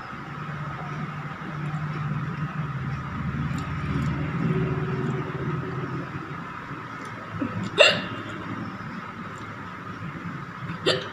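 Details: Two abrupt, short gulping hiccups a few seconds apart over steady background hum, in an adult woman eating very spicy green chili with rice and dal without drinking water.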